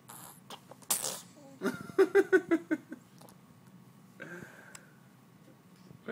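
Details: A 7.5-week-old baby boy lying awake gives a single quick, high sneeze followed by a run of short squeaky sounds.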